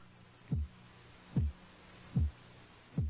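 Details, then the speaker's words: Regular low thumps about 74 a minute heard through a stethoscope at the elbow under a deflating blood pressure cuff, after systolic near 160 mmHg, before disappearing at diastolic about 102 mmHg; Korotkoff sounds. "now the pressures dropping you can hear the heartbeat you're listening now for when does the heartbeat disappear and that will be the diastolic pressure the low pressure"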